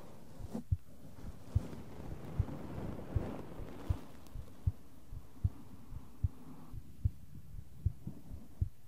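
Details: Heart sound recording for ASMR in one ear, with brushing and tapping in the other: steady, regular low thumps about 77 beats a minute; normal heartbeat.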